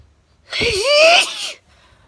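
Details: Daytime sneeze: a single loud sneeze, with a short rising voiced intake followed by a sharp, hissing burst.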